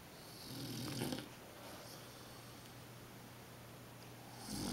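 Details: Grandmother, who claims she doesn't snore, napping beside 3½-month-old Finn: a low rumbling snore on an in-breath, then quiet noisy breathing and the start of another snore; snoring.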